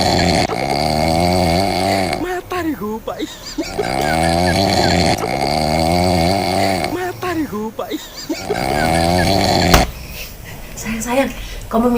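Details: A husband's heavy snoring keeping his wife awake: loud, rough, rattling breaths about 13 a minute with a low fluttering buzz on each; snoring.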